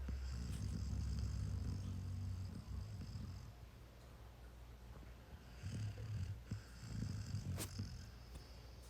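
Low rumbling snore on the breaths, fading and returning, with a brief sharp noise near the end.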